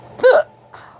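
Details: Hiccups, first of the year, thought to follow drinking soup broth too fast: one sharp abrupt voiced hiccup with a brief throaty catch in quiet surroundings.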